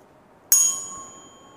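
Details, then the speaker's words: Weber test on an adult male: tuning fork struck and placed on top of the head, clear ringing tone slowly fading; patient hears it louder in the left ear. "Baik Pak, nanti saya akan getarkan garpu tala di ubun-ubun Bapak, di atas kepala Bapak. Pak sebutkan mana di telinga mana yang lebih keras bunyinya."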